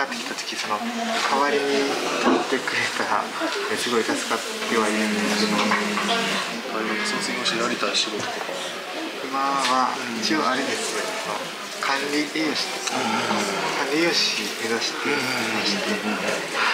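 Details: Young male student with a stutter, working one day as cafe staff in a cafe for young people who stutter; stuttering.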